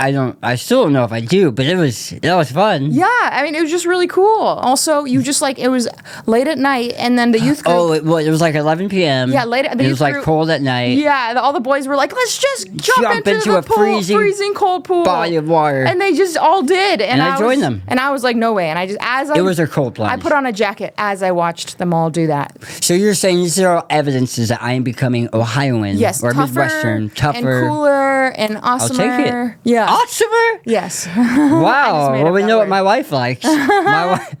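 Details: Adult woman in conversation with adult man; typical speech.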